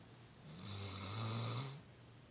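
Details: Leeloo snoring during a nap: one low, rumbling snore on a single breath, about a second long, in a quiet room; snoring.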